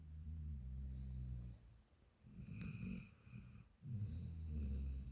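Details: Deep rumbling snores, about three breath cycles in five seconds, from a dog snoring in its sleep, with faint background music; snoring.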